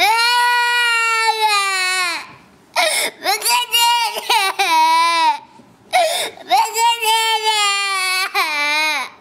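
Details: Baby crying: loud, sustained wails in several long bursts with brief pauses for breath; ordinary vigorous infant crying.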